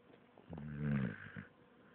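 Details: A sleeping white dog, dreaming and kicking her feet, gives a single soft, low, grunting snore lasting about a second.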